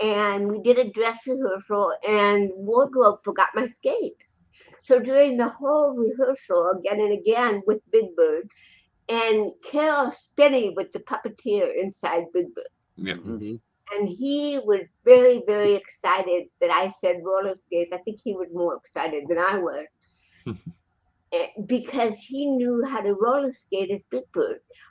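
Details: Adult woman with cerebral palsy, 75% hearing loss and hearing aids; dysarthria (cerebral palsy).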